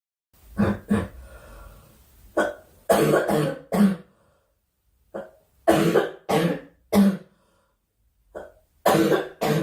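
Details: Young woman, apparently unwell, with about a dozen short, harsh coughs in small clusters with brief pauses; recurrent coughing.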